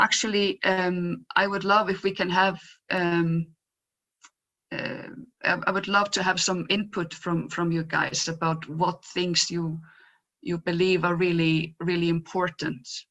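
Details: Real stuttering in a woman who identifies herself as a person who stutters and was photographed in her stuttering block; stuttering.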